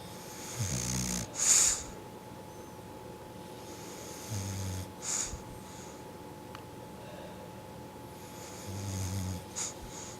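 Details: Snoring during sleep: soft, low rumbles about every four seconds with hissy breaths and faint room hum.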